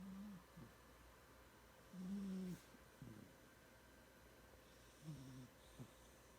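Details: Cat named Cindy snoring while asleep and dreaming; soft, brief snuffling snores and small whimpering sounds.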